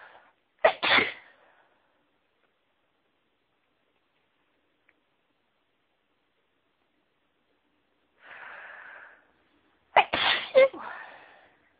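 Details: Allergic sneezing after being around a certain flower: two sharp explosive sneezes, each after a brief indrawn breath, separated by quiet.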